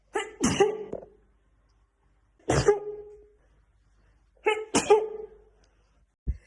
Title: sneezing fit tiktok edit loop 8 ½ minutes. #sneezing #achoo #weird #blackwoman #loop